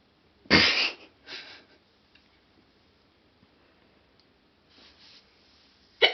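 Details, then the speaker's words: Recurring hiccups: sharp, abrupt gulping sounds with quiet gaps in a small room; they keep occurring over and over, appear randomly, and the person doesn't know what triggered them. "am I done hiccuping the video will not end until the hiccups are gone"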